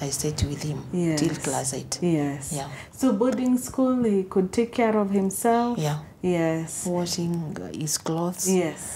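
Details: Adult woman speaking; typical speech.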